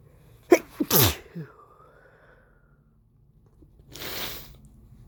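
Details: An adult male still getting over a lingering illness deliberately induces one forceful, wet sneeze, with a quick catching breath before it and a softer sniff or exhale after: sneeze.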